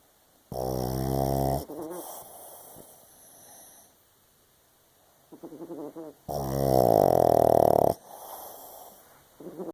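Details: 7-year-old pug dog snoring during sleep: loud, deep, buzzing snores on long breaths with quieter snuffling between; heavy snoring.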